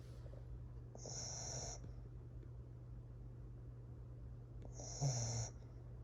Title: Corgi Snoring